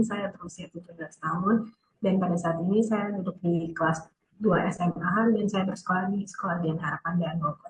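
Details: 17-year-old female student with profound hearing loss of about 110 dB, found at about one and a half years old and confirmed by an ENT doctor; speech associated with profound hearing loss.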